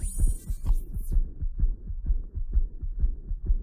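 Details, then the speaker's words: Severe mitral regurgitation heard through a smartphone stethoscope: muffled regular heartbeats, not crisp, with a whooshing murmur filling the gaps as blood flows back across the mitral valve. "so that whooshing noise it's not as crisp that's the sound of the blood flowing back across the way so severe mitral regurgitation"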